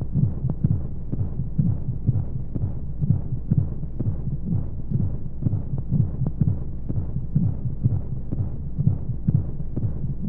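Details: Womb sound sleep aid for babies: steady low thumping heartbeat, roughly 60 to 65 a minute in paired beats, with a constant whooshing hum of flow noise and white noise; heartbeat.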